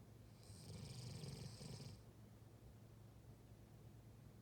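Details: German shepherd–husky mix dog in deep sleep: a single low, rattling snore lasting about a second and a half, with hissy airflow on top, then quiet breathing; snoring.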